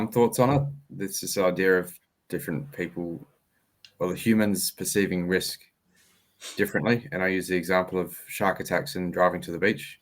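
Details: Adult male speaker; normal voice.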